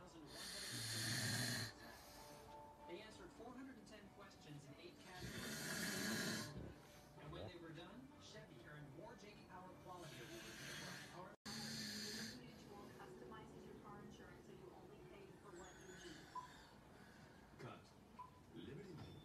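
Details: Bodybuilder father and son snoring loudly with mouths open: rough open-mouth snores coming irregularly, roughly 13 a minute, music and faint talk in background.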